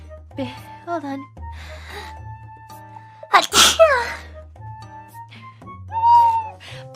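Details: Hololive EN VTuber sneeze clipped from a stream for a sneeze compilation: one sharp sneeze among brief vocal sounds, with background music.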